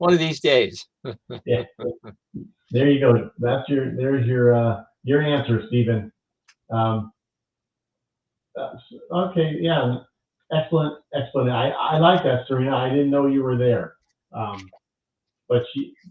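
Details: Adult male stroke survivor who lost his language after the stroke; now mostly expressive (Broca's) aphasia with some receptive difficulty. Expressive (Broca's) aphasia.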